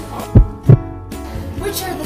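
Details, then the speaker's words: Two crisp, low thumps, lub then dub, form one normal heartbeat from heart valve closure, played over soft background music in an educational clip on heart murmurs. "These sounds can be heard with a stethoscope, and a normal heartbeat makes two sounds like,"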